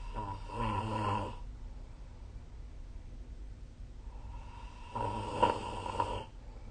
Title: 🐽 Snoring Sleep Sound / いびきの音